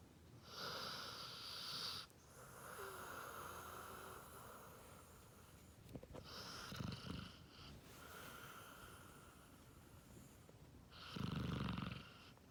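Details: Basset hound snoring loudly: rough snoring with snorting breaths at an uneven rhythm, some snores with a wheezy edge; ordinary dog snoring.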